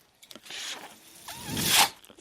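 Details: An adult podcaster who depends on a ventilator speaks while the mechanical ventilator's sound is heard in the background.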